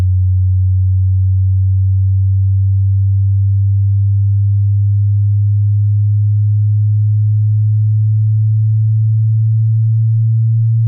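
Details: Hearing test tone: a steady low pure tone held for about eleven seconds, rising slightly in pitch.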